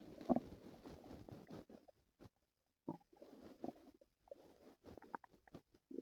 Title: my stomach hurt last night | stomach noises and growls